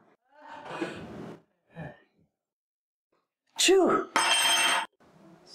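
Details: Acted sneeze in a comedy skit about a fictional sneezing virus: a brief spoken apology, a sharp in-breath, then an explosive burst, imitation sneezing.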